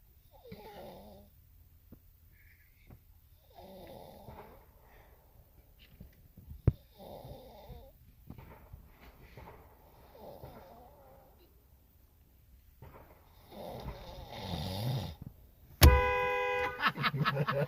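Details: Person asleep at work: repeated low rattling snores on breathing in, with quiet pauses between; a sharp noise interrupts at the end. Snoring.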